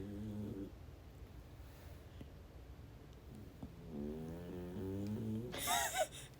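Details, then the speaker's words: Sleeping pet dog snoring: two loud, buzzing, rumbling snores with a quiet pause between, ending with a brief high squeak or snort. "You hear how loud he's snoring? Oh my gosh, I love my dog. He's so cute."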